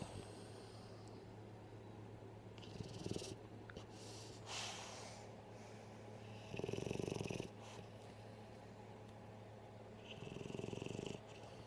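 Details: Snoring during sleep: a steady low purring drone with brief louder snorting snore bursts and sniffs at irregular intervals.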